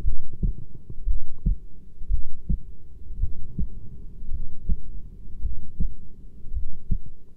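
Steady, low, muffled thumps at about 56 beats a minute, with a faint hum behind them: a regular, normal heartbeat.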